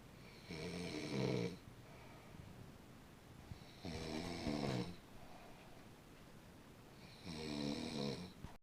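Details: Baby snoring: three rhythmic, rattling snores on inhalation, about 18 breaths a minute, with quiet pauses between them during sleep.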